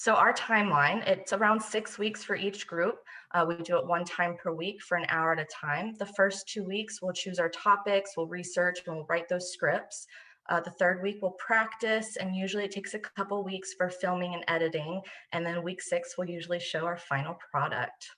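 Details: Adult woman speaking; normal speech.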